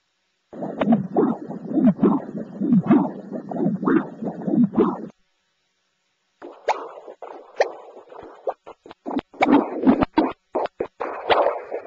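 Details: Person with presyncope, echocardiogram for a suspected murmur, heart found apparently normal: rhythmic whooshing Doppler blood-flow pulses, then choppier flow signals; Doppler heart flow sounds.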